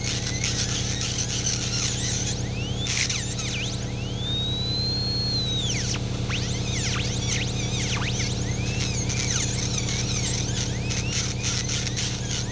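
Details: NSK Pana Max-style high-speed air-turbine dental handpiece with a carbide bur drilling into a small bolt under light pressure in a home workshop. A continuous high-pitched whine with shifting squeals and chirps over a low hum.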